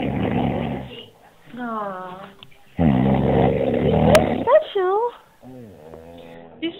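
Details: Person sleeping after passing out: two long, rough, rattling snores with squeaky, whistling sounds between them; snoring.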